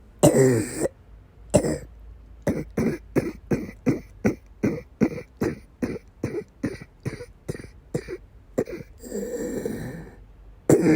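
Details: A long run of about eighteen short, harsh coughs with noisy breaths at either end, with coughing and vomiting, in a female with persistent asthma attacks and migraine-cluster headache complex: persistent coughing fit.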